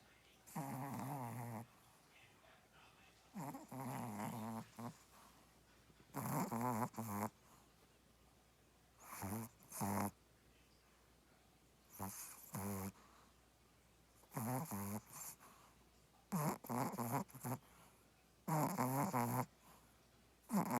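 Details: Sleeping dog dreaming with eyes open; repeated wavering snorts and whimpery snores every few seconds, about 12 breaths a minute; snoring while dreaming.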